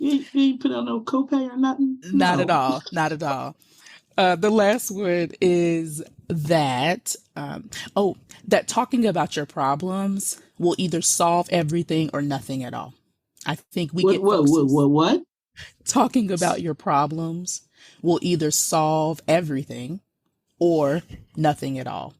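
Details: Aphasia in a woman, caused by stroke; real stroke survivor.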